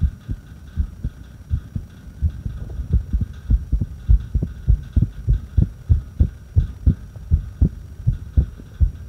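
Low heart thumps at about 100 a minute with uneven spacing between beats and a faint steady hum behind; an irregular heartbeat.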